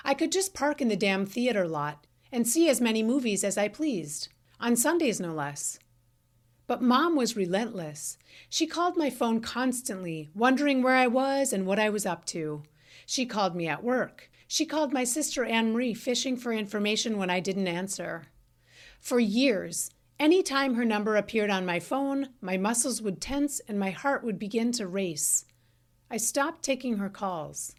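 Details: Adult woman narrating; typical speech.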